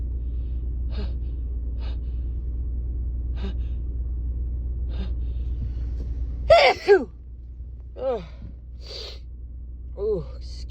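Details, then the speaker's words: Adult female catching a cold, nose only, with a tickle and no cough or sore throat: quiet sniffles, a sharp gasping intake, a forceful sneeze, then a few softer sneezes in a tickly bout. "yeah no coughing or sore throat or anything so far just uh he's a little bouts of tickly sneezes"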